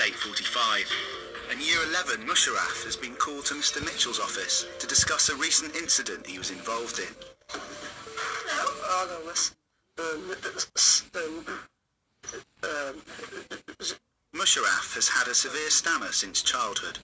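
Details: Adult male narrator; ordinary speech.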